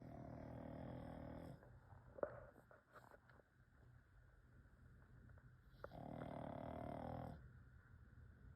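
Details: Sleeping pug snoring: two long, loud, rattling snores with a quiet pause between; faint clicks in the room.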